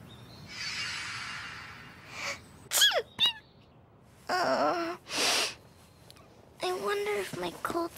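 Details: Several short explosive sneezes, some preceded by a breathy intake and followed by voiced sounds, from a female who has a cold; sneezing.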